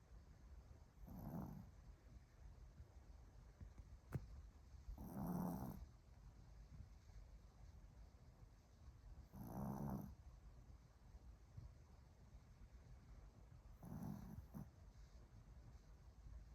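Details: A dog snores steadily in sleep: four low, rough snores over about 16 seconds, one breath every four to five seconds.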